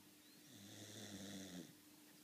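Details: Dog named Molly snoring: a single drawn-out, low rattling snore on an in-breath in a quiet room.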